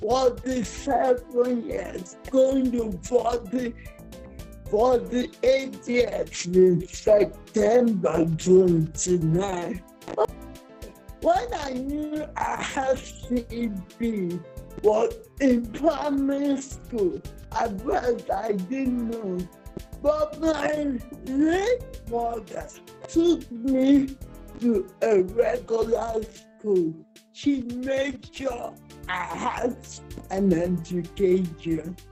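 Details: Uncoordinated speech in a 47-year-old woman with cerebral palsy since birth that presents through her speech; finding: dysarthria.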